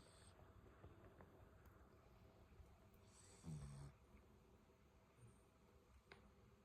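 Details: Sleeping Shih Tzu dog snoring: one short, low, buzzy snore against quiet room noise.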